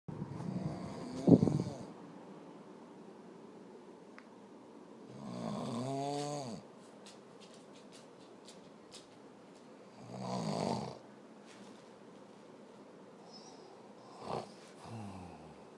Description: This is my Hubby snoring and the reason I can't sleep